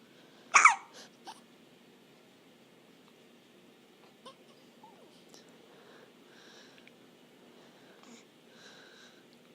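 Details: A hiccup: a sharp catch of breath followed by a few faint, jerky gulps in a quiet room; hiccups.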